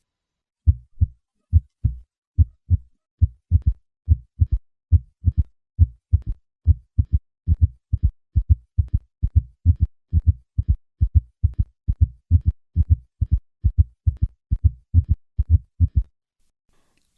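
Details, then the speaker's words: Heart sounds at about 69/min: three normal beats, then a third and finally a fourth heart sound added, forming a quadruple gallop rhythm (S3 and S4) at a rate below 90/min. "At heart rates below 90 beats per minute, there can be a quadruple rhythm. Listen to a patient with both a third and fourth heart sound."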